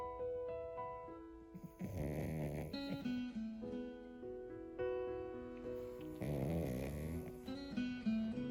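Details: Two loud, rattling snores about four seconds apart from a sleeping Yorkshire terrier that habitually snores very loudly, with music playing over them; dog snoring.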